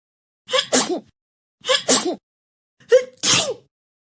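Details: Sneezing: three sneezes in a row, each a quick in-breath then a sharp 'ah-choo' burst, the last the loudest.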